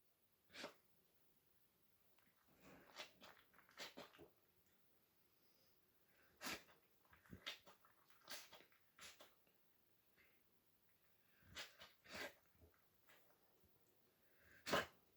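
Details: 6-month-old puppy with kennel cough gives repeated sharp, dry, harsh coughs in short bursts.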